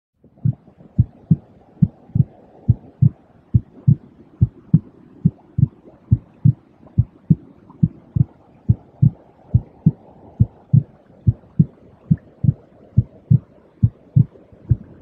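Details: Heartbeat in a white-noise relaxation track meant to soothe babies, children and adults: steady paired low thumps at about 80 beats a minute under a soft steady hiss.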